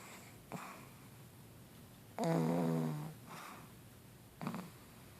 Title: How pugs snore 💤